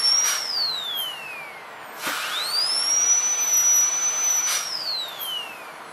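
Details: High-pitched whining drill sweeping up and down in pitch as it speeds up and slows, with brief hissing bursts: a dental high-speed handpiece cutting a tooth in an ADC practical exam demo of a full gold crown (FGC) on tooth #36.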